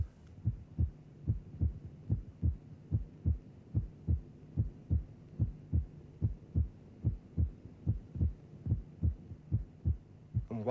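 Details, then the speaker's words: Simulated regular heartbeat about 73 per minute; second sound single in expiration, splitting in inspiration, widest at its end: normal physiological splitting of the second heart sound with respiration. "lesser degrees of splitting can be recognized with practice for example while each of the two elements of the second sound may be recognizable they may not be completely separated there might simply be a dip in the loudness between the Peaks during normal respiration"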